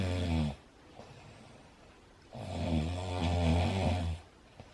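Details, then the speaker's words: Loud, deep, rattling snores on each in-breath, two breaths with a quiet pause between, from an adult man in a small room while a Bengal cat tries to nap. "너무 시끄럽지? 놀랄 정도로 시끄럽지? 졸린데 자지 못하지?"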